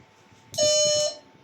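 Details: A single steady electronic beep about half a second long over faint room noise: the activation tone of a BOWA ARC300/350 diathermy (electrosurgical) unit, tested after repair of a shorted capacitor.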